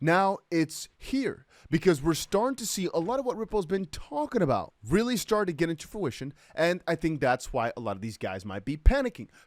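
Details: Adult speaker; normal voice.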